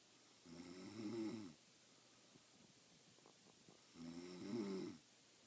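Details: Female friend who denies snoring, recorded asleep: two loud, throaty snores on breathing in, about 17 breaths a minute, with quiet between them.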